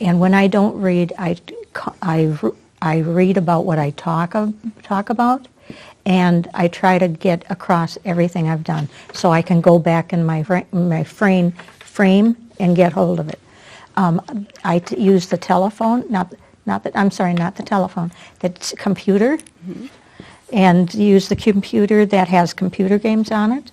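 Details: Adult with aphasia caused by a stroke that followed surgery, previously in a professional career, attending an aphasia conversation group with a speech-language pathologist; real patient speech showing aphasia.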